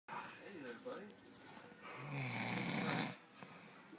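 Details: An adult man (father) snoring: a rough, rattling noise on a slow breath in, with faint room noise.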